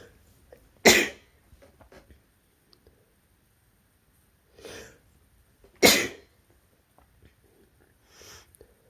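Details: Induced sneezes from a cold in a person with a very sensitive nose: two loud explosive sneezes, each with a quieter breath sound before or after, in a quiet room.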